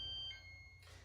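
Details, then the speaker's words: Prius Ai1 hospital bed exit alarm, zone 2, triggered when the occupant gets ready to leave the bed: a short, high-pitched electronic alarm tone. "it's at when somebody's getting ready to get out of bed, that's when the alarm will trigger. So I'll demonstrate that here. Now the alarm goes off for zone 2."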